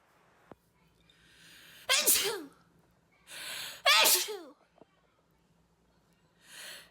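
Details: Woman sneezing: two loud sneezes, each with a sharp in-breath before it, then quieter breathing sounds in a quiet room.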